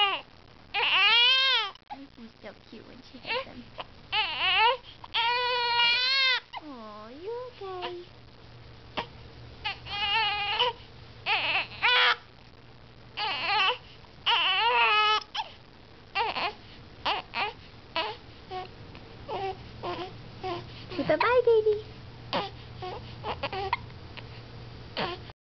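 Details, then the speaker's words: Infant girl's hiccups with whimpering: short whimpering cries with abrupt catches between them, the fussing making the hiccups louder. "and lately when she has a hiccup she kind of cries a little or she kind of just whimpers but it makes the hiccups even louder they're frustrating"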